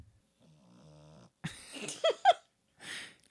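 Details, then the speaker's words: Dog snoring loudly, unusual for him; owner thinks he is deeply asleep from medication, with his neck resting on the owner's arm, possibly restricting breathing. "Sorry, Merlin's snoring. Bro's snoring up a storm. I don't know if you can hear it."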